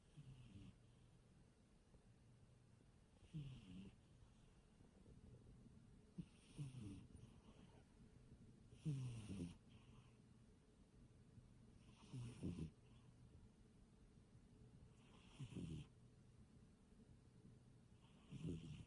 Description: My cat snoring